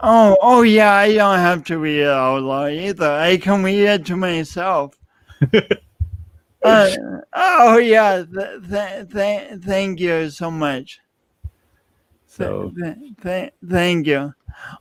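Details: Adult male speaker; speech impediment with stuttering.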